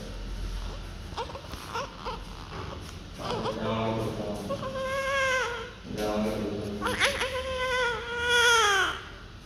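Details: Newborn just after delivery: repeated rising-and-falling cries with short whimpers between them, amid some room noise.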